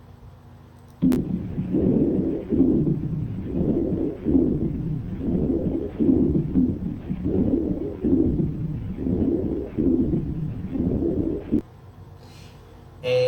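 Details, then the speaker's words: Rhonchi on lung auscultation in a hypersecretive patient: loud, low-pitched snoring rumbles, mostly expiratory but also extending into inspiration. "a gente observa que tem um tempo inspiratório que tem bem muito ronco espaço por completo e ainda pega a inspiração do sujeito"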